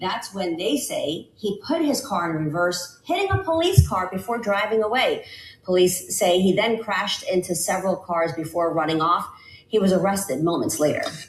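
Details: Adult woman; normal speech.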